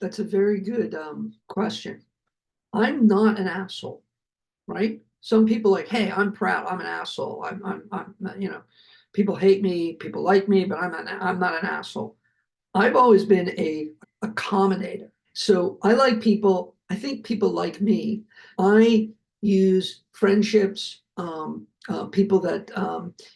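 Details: Adult male heart attack survivor with aphasia, who says his aphasia is kicking in during his speech; repeated words; aphasia.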